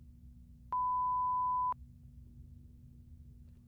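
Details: Roleplayed (simulated) pure tone audiometry beep test through headphones, starting with sound in both ears: steady test tones.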